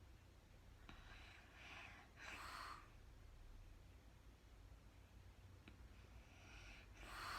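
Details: Woman recorded in real time sleeping through the night, very tired, not talking: two noisy snorting breaths several seconds apart over a low room hum; snoring during sleep.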